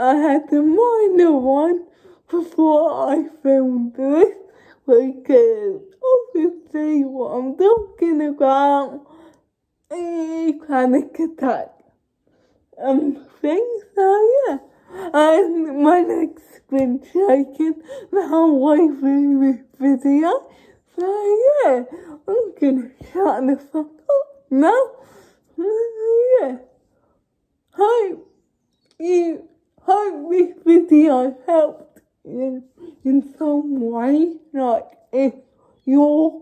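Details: Young woman with cerebral palsy speaking informally to camera; dysarthria (cerebral palsy).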